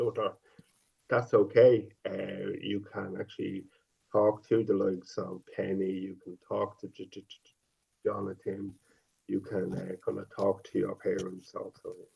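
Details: Stuttering in a 50-year-old man who has stuttered since age five, with sound repetitions and prolongations.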